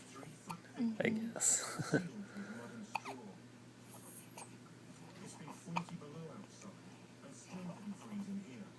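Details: One-week-old baby yawning and hiccuping: short, abrupt hiccup catches among soft breathing, with quiet whispering in the background.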